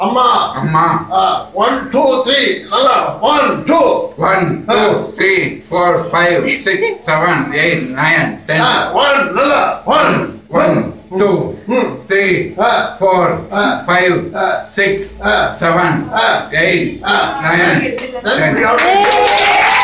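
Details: Patient with puberphonia counting from one to ten in English as a voice therapy drill during a treatment session. Finding: puberphonia during voice therapy drill.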